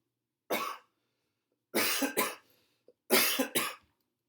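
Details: Five harsh coughs, a single one and then two quick pairs, from a person with a chest cold who has been napping a lot for about six days; cough.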